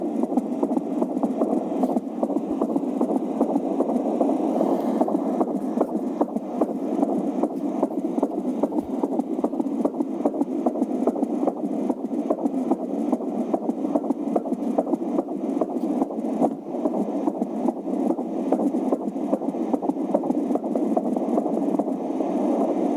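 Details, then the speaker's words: Rapid, regular whooshing thumps of a fetal heartbeat on an AngelSounds handheld fetal Doppler, about 146 beats a minute, said to be twice as fast as an adult heart: fetal heart sounds on Doppler. "das sind einmal die Herztöne doppelt so schnell wie unser Herz"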